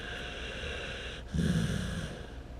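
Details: Loud snoring: continuous noisy breathing, then a louder, low, fluttering snort on one breath.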